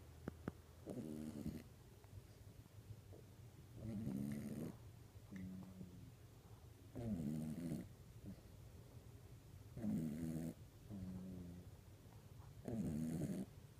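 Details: Sleeping animal snoring: about six rhythmic rumbling snores, with a faint softer sound between some of them.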